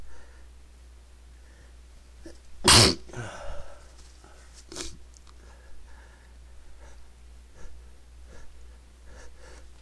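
A single sharp, explosive sneeze followed by a short breath and quiet room noise; an ordinary sneeze.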